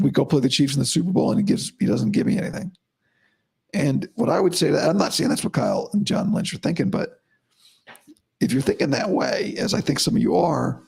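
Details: Adult male host about five to five and a half weeks after vocal cord surgery, voice improving daily but likely unchanged from yesterday after heavy voice use and no sleep; dysphonia after vocal cord surgery.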